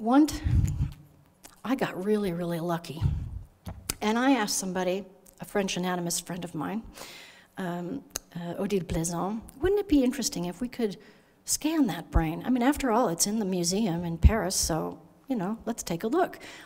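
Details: Adult female speaker; normal speech.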